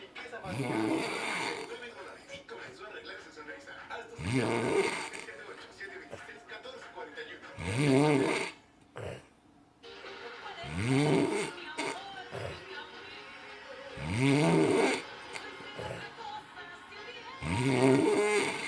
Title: Good old sleep, good old snore